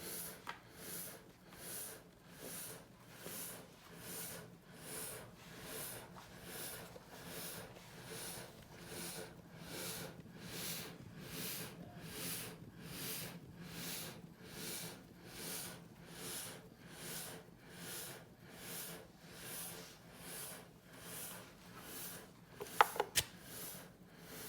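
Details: Rapid, regular whooshing airflow cycles from a ResMed AirCurve ST bilevel positive airway pressure (BiPAP) machine, alternating inhalation and exhalation pressures: BiPAP machine airflow.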